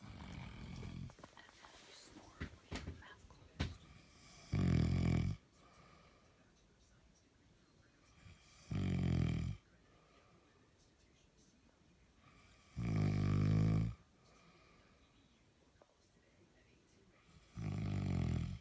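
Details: An adult man snores loudly with low, rattling snores on each breath in, about four seconds apart, with quiet between.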